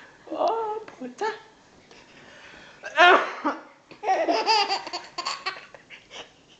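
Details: Infant boy laughing nonstop in loud bursts with brief coughs mixed into the laughter; cough.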